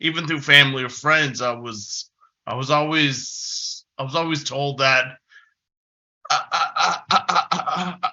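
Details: Developmental stuttering since about age six in an adult man, a person who stutters giving a conference presentation; stuttering.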